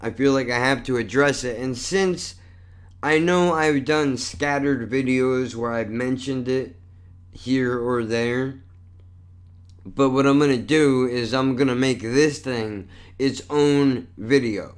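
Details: Dysarthria in an adult male with cerebral palsy and multiple sclerosis; he says the neurological disorder affects the way he talks.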